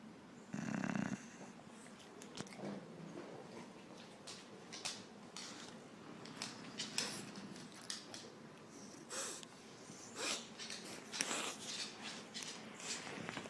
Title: Our sleeping English Bulldogs, snoring and tired!